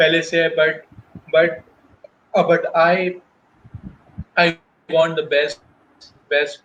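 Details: Adult male professional who stutters, speaking spontaneously in Hindi/Urdu in a real interview, with audible word repetitions; stuttering.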